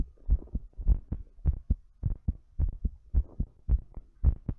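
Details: Strong, fast low thumping heartbeat, about 105 beats per minute, paired beats clearly separated, recorded during breathplay.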